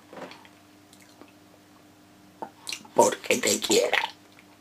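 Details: Esophageal speech in a man reciting a sonnet as a voice exercise.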